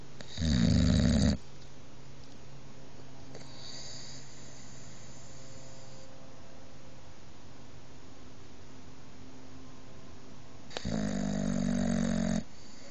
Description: Not only does Halo the boxer take over the bed, she is a very loud snorer!